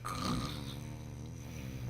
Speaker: snoring is the sound that happens when the soft tissues of your throat vibrate during sleep